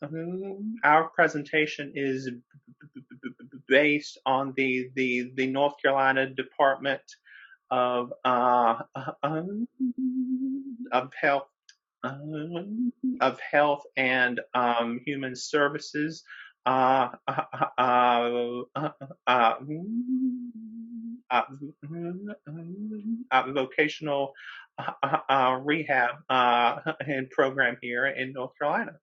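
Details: Real stuttering in a man who is a person who stutters, speaking as a webinar co-host; repetitions, interjections and pauses are heard; stuttering.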